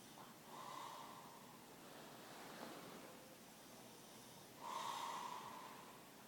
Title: Snoring master and his fully awake bulldog